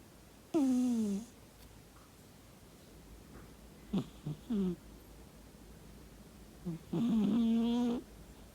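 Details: Three spaced, tonal, whistling breath sounds with quiet pauses; a sleeping cat snoring in the morning, also described as talking in its sleep.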